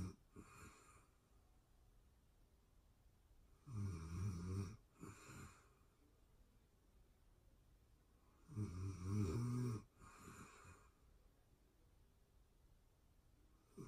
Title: ASMR sleeping beauty snoring sounds real time sleeping anxiety relief